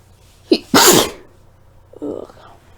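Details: A person sneezing at night from a nasal tickle: a quick catch of breath, one loud explosive sneeze, then a softer sound moments later.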